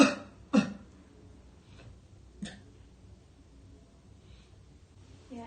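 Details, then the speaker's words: Role-play of effective cough technique for an adult male pulmonary tuberculosis patient: nurse coaches deep breath, hold, exhale, then a couple of short sharp coughs to expel sputum into a cup; simulated. "Tarik nafas, tahan, hembuskan. Tarik nafas, tahan, bantukan Pak."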